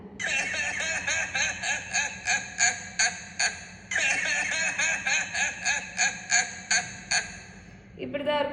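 Two rapid runs of short, voiced, honking coughs, about two to three per second, with a brief pause between runs.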